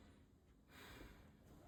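A soft, steady rush of air lasting about a second as an adult takes a deep breath in, then a voice begins; an ordinary deep inspiration.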